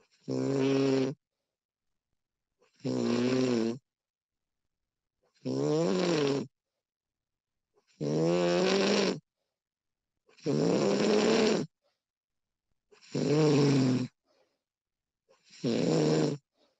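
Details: Woman recorded while asleep, extended one-hour recording: loud, regular rattling snores on each breath in, about 24 a minute, with silent pauses between; snoring during sleep.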